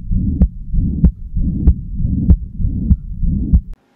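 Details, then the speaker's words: Tricuspid regurgitation murmur, with a leaky tricuspid valve in the right heart: regular heartbeat near 95 a minute with a continuous low whooshing murmur filling the gaps between beats. "TripIt regurgitation murmur a leaky tripic valve between the chambers of the right heart allows blood to flow"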